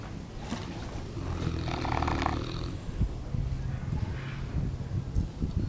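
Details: Almost one-year-old Neapolitan mastiff asleep: deep, loud, fluttering snore followed by snorting, irregular breathing noise; snoring.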